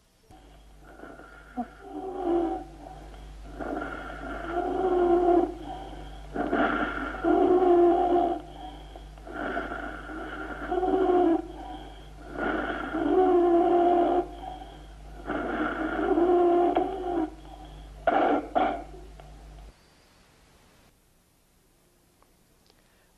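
Loud musical wheezes on each labored breath, about 20 breaths a minute, with a few brief coughs: wheezing and cough of an asthma attack.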